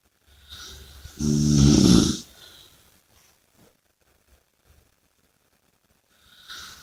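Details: One loud, rattling snore on the in-breath, with softer breathing before and after, then quiet, during sleep.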